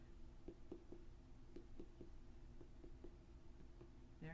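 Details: Abdominal percussion, tympany to liver dullness.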